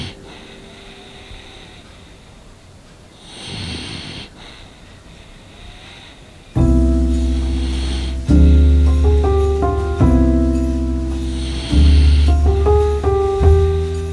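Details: Sleeping French Bulldog: a soft snuffling snore, then covered by loud piano music for the rest; snoring.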